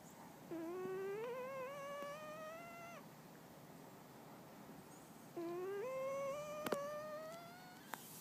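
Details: Chinchilla Silver cat snoring in its sleep: two long, tonal snores, each rising step by step in pitch like a do-re-mi scale.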